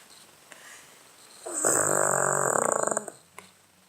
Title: DOG LOUDEST SNORING EVERY DAY 21 Nov 2016 cavalier Charles Spaniel Charlie Blenheim